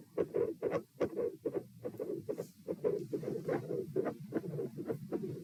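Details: Auscultation stress test at chest position P, with the subject lying, sitting, standing, then lying again (72 bpm supine, 84 sitting, 108 standing): heart sounds with a mid-systolic click and a split second heart sound (S2).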